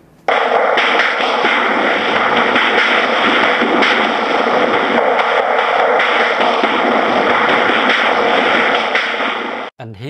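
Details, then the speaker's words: Music processed through a cochlear implant simulation, using processing said to give 70–80% accuracy, heard as harsh, buzzy, noise-filled sound with no clear melody; original piece described as a classical melody, difficult even after 23 years with CI. "Gumagamit ang simulation na ito ng parehong uri ng pagproseso na nagbigay sa amin ng 70 hanggang 80% na katumpakan"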